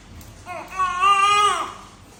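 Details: Newborn with a breathing problem after birth in special care: a single short, clear cry lasting about a second, strong in tone, no grunting or wheeze heard.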